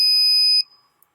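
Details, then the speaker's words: Single loud, high, steady power-on beep lasting just over half a second from an Eclipse 5 portable oxygen concentrator, heard after holding the top-left power button for about two to three seconds. "to power the unit on press the top left hand button the power button and hold it down for about two to three seconds once you hear the beep release it"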